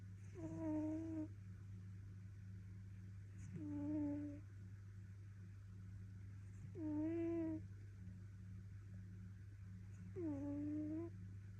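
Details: British Shorthair cat snoring loudly in sleep: whining, almost musical snores about 18 a minute over a steady hum; harmless snoring.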